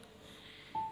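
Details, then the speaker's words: Single short electronic beep after quiet room noise, confirming a connection while setting up a KFD-1 fetal Doppler during unboxing; not a body sound. "ini kita sambungkan di sini nih [Musik] sampai ada bunyi seperti ini dengar ya ya berarti itu sudah bisa"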